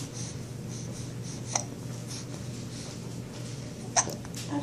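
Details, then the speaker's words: Baby girl with hiccups around bottle-feeding time: two abrupt, sharp hiccups about two and a half seconds apart, with soft breathing between. "your little hiccups coming along? Such a good girl."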